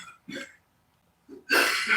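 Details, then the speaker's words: An adult coughing after smoking cannabis: a couple of short throaty bursts, then a loud, harsh, noisy burst. "That's how you know the weed is good. You hear that coughing?"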